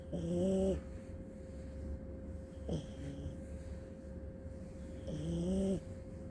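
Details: Happy groans and tonal snores from a sleeping small dog (tagged Aussie pup and papillon), with a steady background hum; ordinary sleep snoring.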